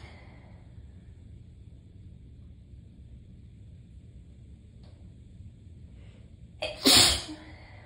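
Several seconds of quiet room noise, a brief sniff, then a short inward breath and one sharp, forceful sneeze from a tickly sneezing fit.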